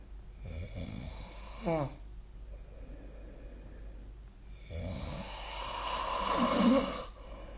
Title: 🐽 本日のイビキ / Snoring Sleep Sound